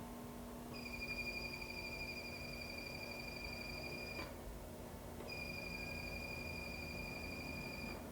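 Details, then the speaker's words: Steady high-pitched electronic tone with a short break: Quanta Pronto high-speed diode laser at 12 pulses per second, timed hair removal over gel, all four quadrants of a man's gridded back three times. "we are going to be treating all four quadrants three times twelve pulses per second and we're going to be doing this with a stopwatch so been on your marks get set go"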